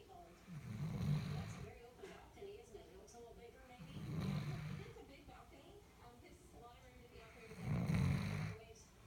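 Soft, low snoring breaths about every four seconds, with faint background voices: a sleeping puppy snoring.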